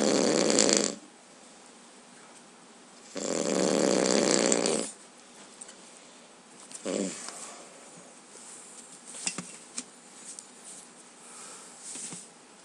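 Two loud, harsh, noisy breaths about two seconds apart followed by quieter rustling, consistent with a dog snoring.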